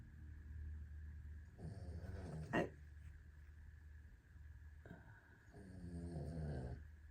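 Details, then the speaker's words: Snoring of an animal or person heard faintly in the background while someone talks. "Sorry if you can hear Lady snoring."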